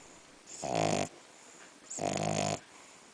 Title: French bulldog snoring